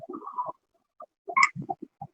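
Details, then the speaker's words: Agonal breathing (gasping): brief croaking, groan-like gasps with pauses, not effective breathing. This signals cardiac arrest and requires immediate start of resuscitation maneuvers. "a diferencia de la respiración agónica de justin que habíamos visto en tipos respiratorios que sabemos que es una respiración pasa en realidad del paciente son extracción o quejidos no inspiran inspira y debemos iniciar rápidamente la maniobra"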